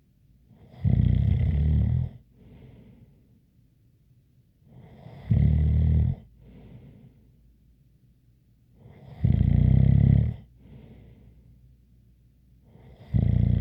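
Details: Four loud, low rattling snores on the in-breath, about 17 a minute, each with a faint light whistle and a softer breath out between.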